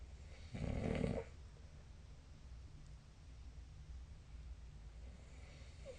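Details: Sleep snoring recording: one loud, rough, low-pitched snore lasting under a second, followed by quiet breathing against faint room hum.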